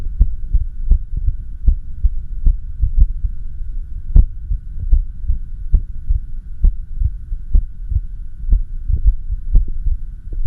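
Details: Recording of the uploader's own heart during echocardiography while having an arrhythmia: low thudding heartbeats at roughly 80 a minute arrive at uneven intervals over a steady machine hum.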